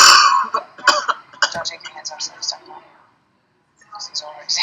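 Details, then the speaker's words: Demonstration of a hand-assisted (Heimlich-type) cough: hand over the patient's diaphragm, deep breath held, head turned, then upward and inward force applied as the patient coughs; a loud, forceful cough burst. "instruct the patient to take a deep breath in hold it turn their head and cough as you apply an upward and inward Force to the D"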